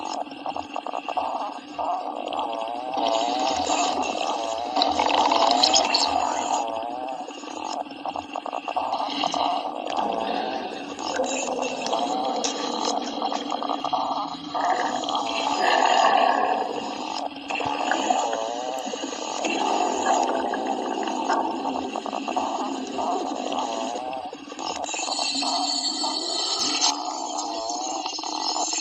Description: Whoa! My stomach is grumbling like a bear!